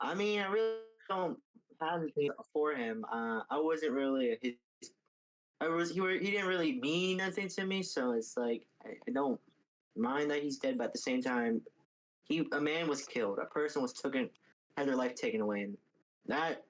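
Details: Adult male speaker; ordinary speech.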